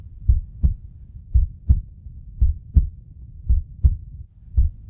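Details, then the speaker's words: Simulated heartbeat in a children's lesson on the heart pumping blood by contracting and relaxing: regular paired lub-dub sounds, about 56 beats a minute. "रक्तवाहिन्यांमधून रक्त सतत पुढे ढकलण्यासाठी हृदय पंपाप्रमाणे काम करत असतं त्यासाठी हृदयाचे सतत एका पाठोपाठ आकुंचन आणि प्रसरण होत राहतं"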